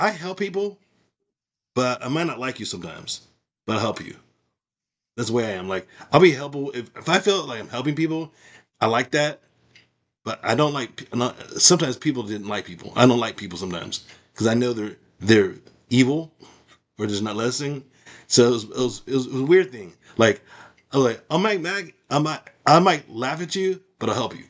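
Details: Adult woman with aphasia after a stroke, who reports trouble finding the right words and understanding speech; aphasia.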